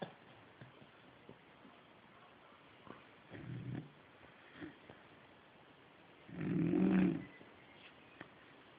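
Quiet breathing with two low snuffling snores, the second louder and rattling; a dog snoring in its sleep.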